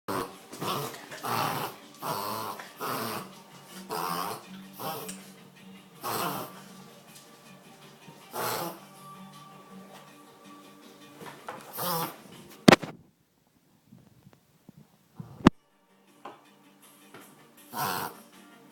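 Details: A dog reverse sneezing, with a run of rapid, loud snorting inhalations.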